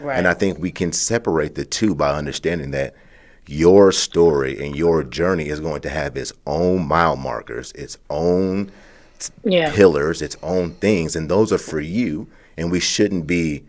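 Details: Adult speaker; Normal voice.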